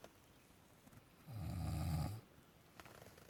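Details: A person snoring at Malshej Ghat, stated to be above 4000 metres: one loud, rough, rumbling inward breath lasting about a second between quiet stretches.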